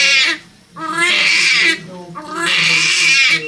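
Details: Newborn girl, labor induced at 40 weeks, weighing 8 pounds 2.6 ounces, just delivered: strong, high-pitched rhythmic wails, about 40 cries a minute; normal vigorous newborn cry.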